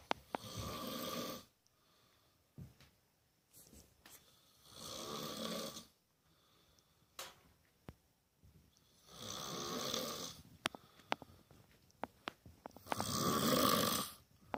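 Loud, rough snores on each in-breath, about four cycles over fifteen seconds, with quiet pauses and a few clicks between them.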